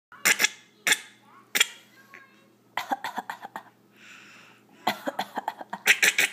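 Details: Cat named Miranda coughing: short, harsh, forceful coughs, first singly and then in rapid runs of several.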